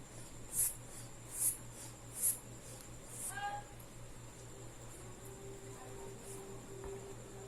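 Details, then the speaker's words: Manual blood pressure measurement, cuff inflated 30 mmHg above the previously found pressure with the valve closed: three soft rhythmic hand-bulb squeezes over a steady room hum; blood pressure cuff inflation. "nos ponemos nuestro con endoscopios y empezamos a insuflar"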